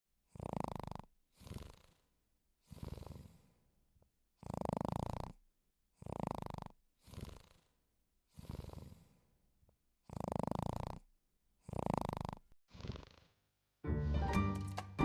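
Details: Maltese puppy sleeping: soft, quick snuffling snores in irregular bursts with short pauses, ending as music begins; light snoring.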